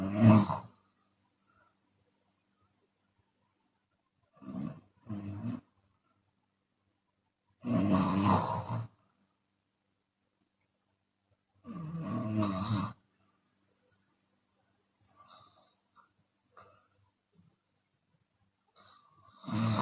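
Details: Loud, rough snores with quiet gaps and occasional breathy exhales, from a Chinese woman snoring with her mouth open during sleep.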